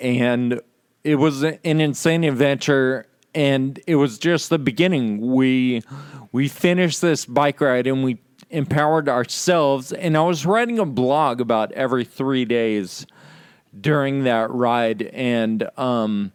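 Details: Real male patient with Friedreich's ataxia, affecting muscle coordination including speech muscles and causing slurred speech; ataxic dysarthria.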